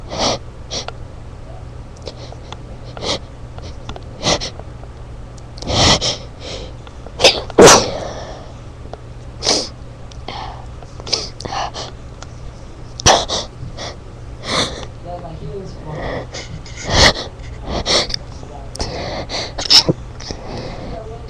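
A rapid run of short, muffled sneeze bursts, held back rather than fully released, over a faint steady hum.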